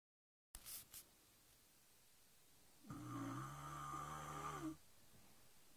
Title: Haha my sister snoring